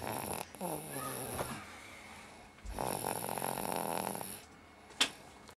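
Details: Baby snoring: two rough, rattling snoring breaths with a quiet pause between them and a brief click near the end: infant snoring.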